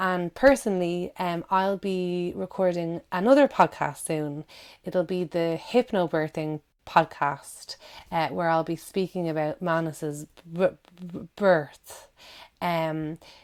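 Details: Adult woman who stammers, with audible word and syllable repetitions; stammering (stuttering).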